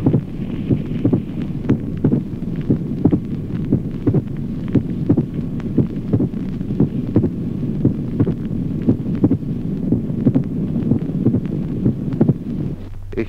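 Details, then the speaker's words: Teaching example: regular heartbeat near 58 a minute with a clear, sharp extra sound immediately after the second heart sound; pericardial knock. "tercero chasquido pericárdico al segundo ruido sigue de inmediato un ruido adicional de sonido"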